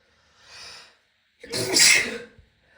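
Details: A soft indrawn breath, then one loud, sharp explosive burst of air from a female who can't stop sneezing; single sneeze.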